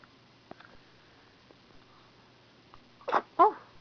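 Two quick, sharp sneezes in close succession after faint sniffing, in a quiet room.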